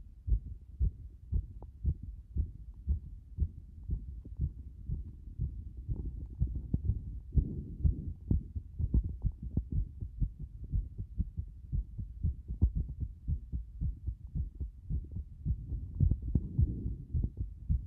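Low heart thumps, near 115 a minute, with uneven spacing and pauses throughout; an irregular rhythm with frequent extra or skipped beats.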